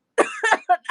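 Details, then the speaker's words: Girl coughing at her keyboard, describing it as wet: two or three quick, rough, loose, phlegmy cough bursts; a wet cough. "I'm sorry I'm like coughing all over the keyboard that's not good oh yeah"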